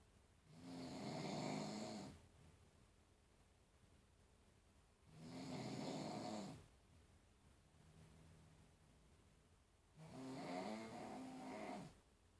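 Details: Adult man snoring around midnight, recorded by his wife to show how loud it is: loud, rattling snores on each in-breath, about 13 breaths a minute, with quiet pauses between them.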